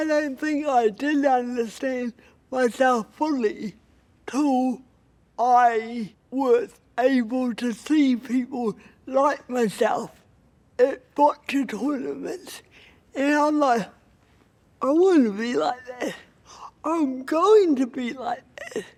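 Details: Adult woman with cerebral palsy, a Paralympic boccia player, who considers her voice a real barrier; dysarthria (cerebral palsy).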